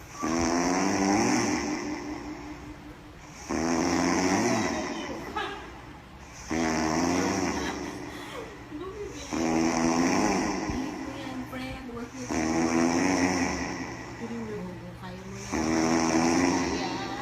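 Loud, regular rattling snores, about 20 breaths a minute, six cycles heard; heavy snoring.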